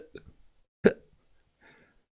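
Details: Hiccup demonstrated by an adult in a lesson on body sounds.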